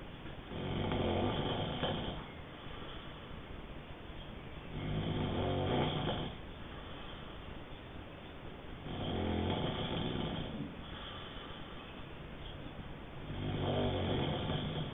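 Rhythmic, rumbling snores about 14 a minute over a steady background hiss. Regular snoring during sleep.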